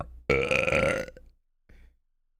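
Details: Streamer burping nervously during a live stream: one long, loud, voiced belch lasting about a second, then a short softer one; an ordinary burp.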